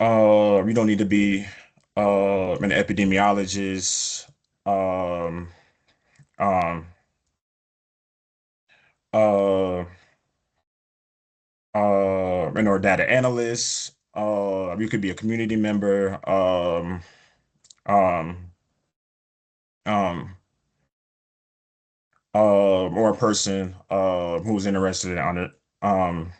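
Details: Stuttering in an adult male epidemiologist who says he stutters, with prolongations of words or sounds, blocks and repetitions.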